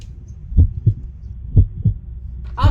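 Paired low thumps of a heartbeat, about 70 a minute, in a comedy sketch.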